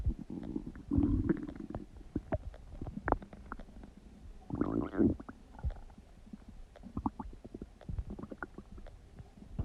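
Irregular gurgling and bubbling rumbles with a few louder, longer growls; ordinary digestive bowel sounds.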